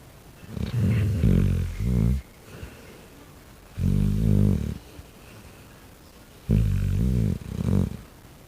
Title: my fat dog snoring #dogs #shorts